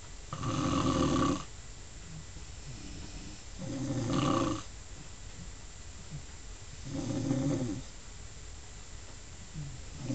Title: just sumin to laf about.......me mom snoring!!